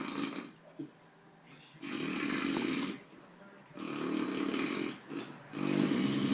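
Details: Person sleeping: coarse, fluttering snores with each breath, three loud bouts separated by quieter pauses; snoring.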